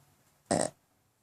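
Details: A pug snoring with eyes open: a single short, rough snorting breath in a quiet room, a snort during noisy upper-airway breathing.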